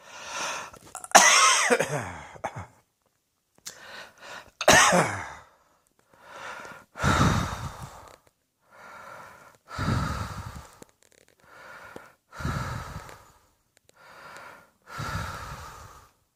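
Repeated harsh, forceful coughs, some with a rough throaty edge, coming in separate bursts about every three seconds.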